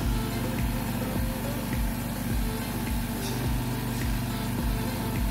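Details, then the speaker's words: Steady low mechanical hum with regular pulsing from an oxygen concentrator running at its maximum flow of 5 L/min during accumulator tank pressure testing, with background music. "now I turn on the oxgen [Music] concentrator and inser the flet to the maximum flet so for this model the maximum L for is 5 L per minute"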